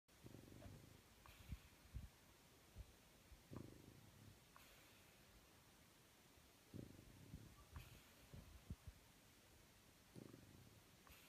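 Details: French bulldog sleeping on his back under the covers, eyes open, not sedated: soft, low rumbling snoring breaths with a fluttering rattle, repeating every few seconds.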